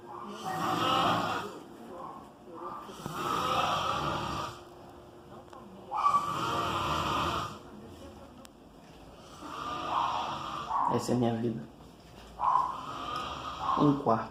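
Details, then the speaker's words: Father asleep at 1:40 a.m., snoring very loudly: loud, rough, rattling snores about every three seconds, about 20 a minute, with quieter breathing between. "Meu pai tá dormindo. Meu pai deve tá dormindo, tá roncando muito."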